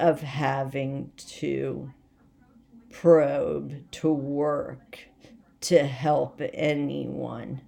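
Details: Adult woman with essential tremor, badly out of control and rapidly progressive, affecting mainly her head and voice, with word-finding difficulty and leg and hand weakness; awaiting movement disorder specialist visits; voice tremor (essential tremor).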